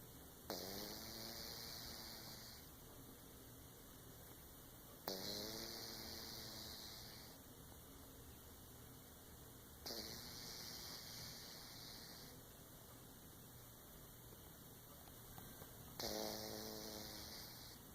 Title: Sleeping cat snores.